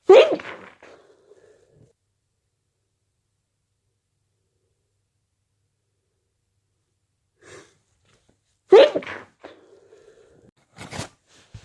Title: stifles nose blows and strong wet sneezes